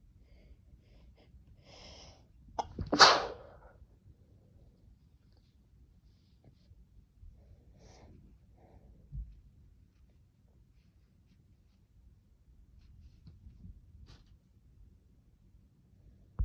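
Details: A quick indrawn breath, then one sharp explosive sneeze after a new vial of Chhinkni, followed by quiet breathing and small rustles.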